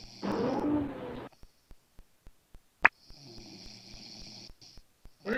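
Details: Male, said not to snore, sleeping: a rough, rattling snore on breathing in, then a softer one, over a steady background hum and regular ticking; snoring.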